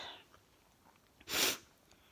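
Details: Single sharp, hissing sneeze after a short sniff in a quiet room, from an adult who says they keep sneezing indoors despite an air cleaner, maybe from tiredness, and felt bloated overnight; sneeze.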